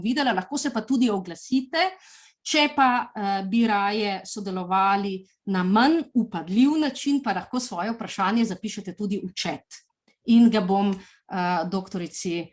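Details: Adult woman speaking Slovenian; Normal speech.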